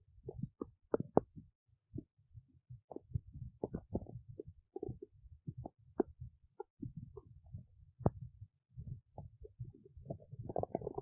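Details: Woman's abdomen while digesting oats: irregular low gurgles, pops and bubbling bursts, a normal run of active bowel sounds.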